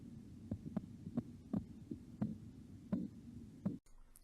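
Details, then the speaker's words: Korotkoff sounds heard by stethoscope at the elbow as the blood pressure cuff slowly deflates: regular soft thumps, about 80 a minute. "while it's being released the nurse or doctors listening for the heartbeat with the stethoscope you should hear this now"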